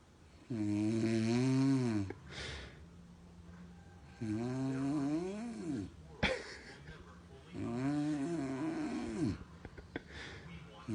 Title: Baby is scared of snoring